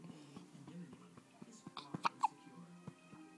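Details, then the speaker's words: Newborn just home from the hospital, sleepy after finishing a bottle, with hiccups: a few sharp, brief hiccup clicks over soft background music and room noise. "oh honey his neck when he hiccups honey trying to make it go away you can't scare the hiccups out of him"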